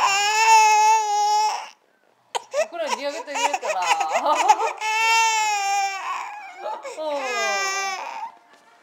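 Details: Sustained high-pitched infant wails broken by fussing sobs and whimpers while being burped after feeding; ordinary infant cry.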